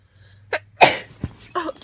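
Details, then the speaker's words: Person's sneeze beside a pet: a quick intake of breath, then one sharp, forceful sneeze followed by brief voice sounds, with a steady low room hum. "Zoe, Zoe. Zoe, did my sneeze scare you?"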